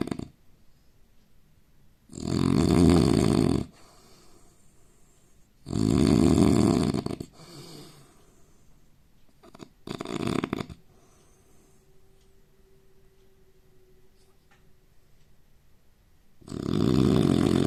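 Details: Indian man snoring during sleep: loud, rough snores on inhalation about every four seconds, with quieter breathing between.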